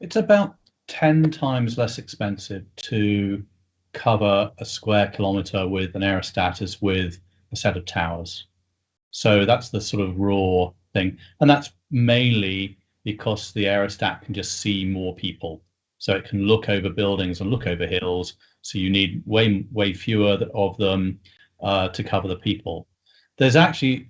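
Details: Adult man; normal voice.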